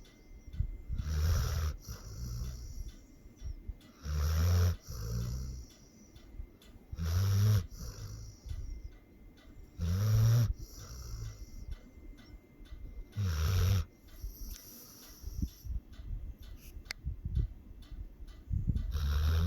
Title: A snoring pitbull...CUTE & FUNNY